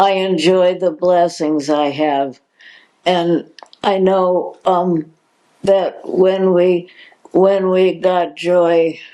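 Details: Adult woman with progressive supranuclear palsy, a progressive neurological disease with no cure, diagnosed in 2020, speaking in her own words; hesitations; dysarthria with word repetition (progressive supranuclear palsy).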